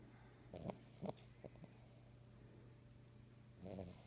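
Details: Cavalier King Charles spaniel asleep in its owner's arms: soft snorting snores over a steady low hum.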